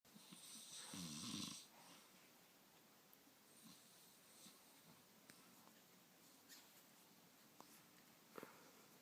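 One harsh, rattling, hissy snore, then quiet breathing with faint room noises; snoring during sleep.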